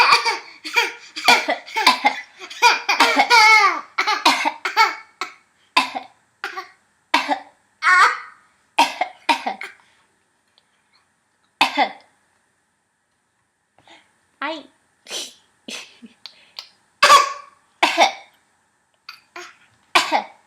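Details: Infant deliberately pretending to cough: short, voiced, playful cough-like bursts, an imitated cough rather than one from illness.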